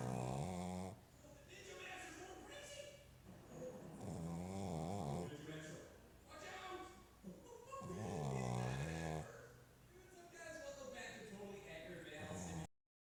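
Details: Pug puppy snoring: loud, deep, rattling snores on each breath in, about four in thirteen seconds, with quieter breaths out between; heavy snoring.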